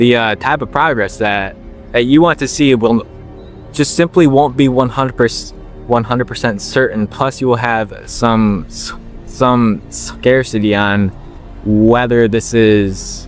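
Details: 21-year-old man with a stutter since he could talk, working to overcome it by slowing down; word repetitions audible; stuttering.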